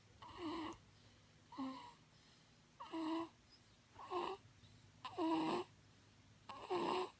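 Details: Snoring: six short, rough, snorting breath sounds at a slow, steady rate with quiet gaps between them.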